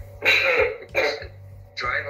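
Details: Habit cough in a child: three loud, harsh, honking coughs, from a chronic cough that was repeated many times a day.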